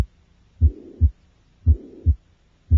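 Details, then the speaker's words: Tricuspid regurgitation murmur in a child, heard at the left sternal border in the subxiphoid region: heartbeats with a soft, blowing murmur filling systole, louder on inspiration and softer on expiration. "the murmur of tricuspid regurgitation is heard at the left sternal border in the subid region the murmur is loudest during inspiration and is softer during expiration"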